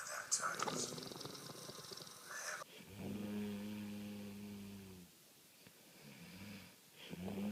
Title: Snoring, roll over